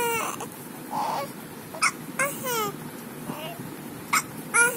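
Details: A one-month-old baby with hiccups: short, abrupt hiccup sounds with small squeaky voicing among soft babbling noises.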